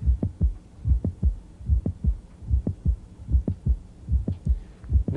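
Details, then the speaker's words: Regular heartbeat near 74 per minute at the apex, heard with the stethoscope diaphragm, with an extra sharp mid-systolic click between S1 and S2, usually from mitral valve prolapse due to myxomatous degeneration. "this mid-systolic click is usually due to something too called mitral prolapse often due to mix ummit's degeneration of the mitral valve"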